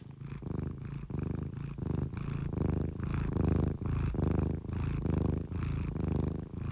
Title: #cat# the cat sleeps soundly while snoring